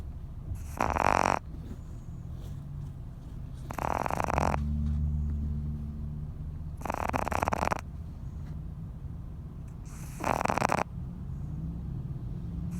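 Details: Small pet Boston dog snoring loudly: four loud rasping snores about three seconds apart, with quieter breathing between them.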